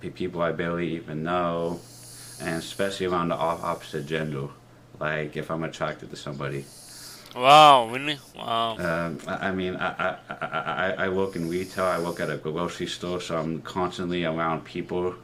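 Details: Stuttering with articulation disorder in a 30-year-old man, present since he began talking as a child, with trouble on R and O sounds; speech therapy in middle and high school; worse with new people and anxiety.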